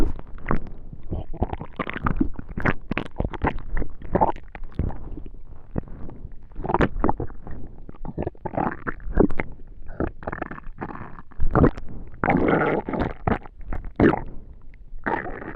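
Continuous gurgling, bubbling and rumbling in irregular bursts: active bowel sounds of normal digestion.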